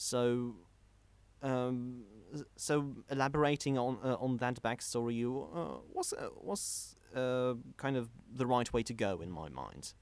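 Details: Stuttering in a male podcast host who describes himself as a stammerer.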